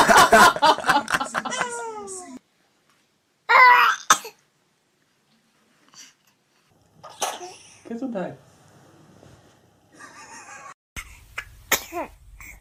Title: Funny Babies Sneezing Video Compilation - Funny Cute Baby